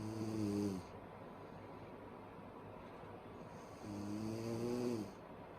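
Two loud, rough snores on breathing in, with quiet breathing out between them, over steady room hum.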